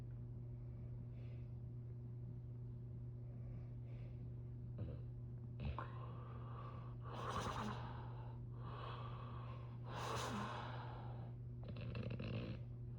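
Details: Adult man (a dad) snoring in sleep while a chihuahua cuddles with him: irregular, noisy, rasping breaths over a steady background hum; snoring.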